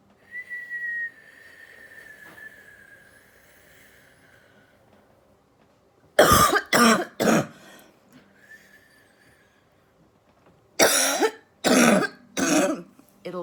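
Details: Productive cough during a manual chest percussion airway-clearance demonstration.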